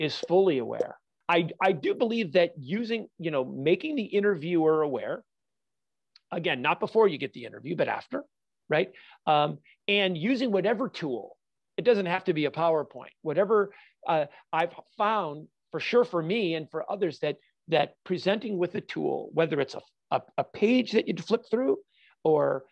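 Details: Adult man with stuttering, a fluency disorder since childhood; he says he stutters all the time, not only when nervous.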